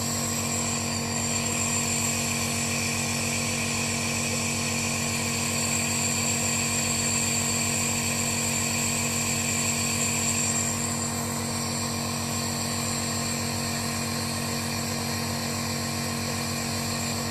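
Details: Home ventilator running during a morning airway clearance routine, used for about 20 minutes at most to keep the airways clear: a steady mechanical hum with a high whine and fast regular pulsing.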